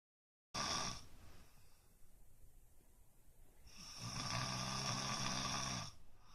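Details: Person who did not know they snore, recorded asleep: loud, harsh rattling snores on breaths with quieter breaths between them; snoring.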